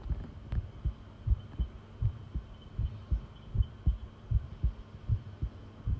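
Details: Heartbeat from a long recording: steady low thumping at roughly 80 beats per minute with a faint background hum.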